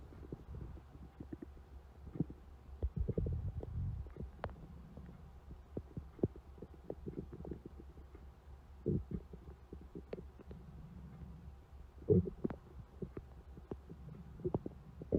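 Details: Low gurgling rumbles and irregular soft pops of stomach growling; borborygmi.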